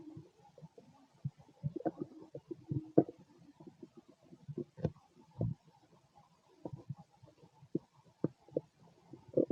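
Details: Male stomach growls during digestion: irregular bubbling gurgles and low rumbles from the belly in a quiet room, ordinary borborygmi from gas and fluid moving through the gut.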